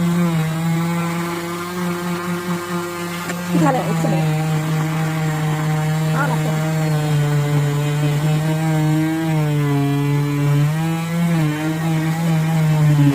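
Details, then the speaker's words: Loud steady buzzing drone shifting in pitch, talk in background: an oscillating cast saw cutting a modern plaster leg cast off a female patient; she reports it slightly scraping her skin. "ते machine स्किनसाठी घातक नव्हतं पण तरीसुद्धा ते machine पायाला लागून लागून स्किन माझी थोडीशी सोलवटत होती"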